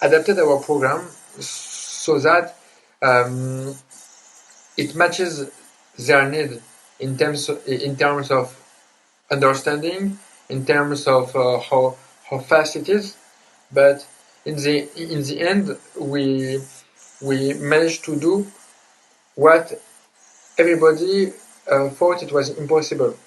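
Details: Adult man who grew up with severe stuttering plus dysgraphia, dyspraxia and ADHD, speaking English with word repetitions and hesitations: stuttering.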